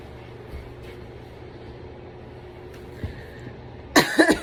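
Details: Low engine-like background hum, then a sudden loud burst of two or three harsh coughs at the end.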